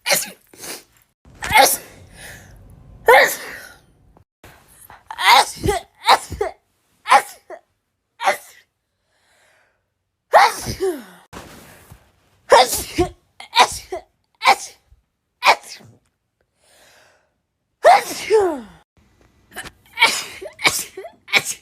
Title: Strong rapid sneezing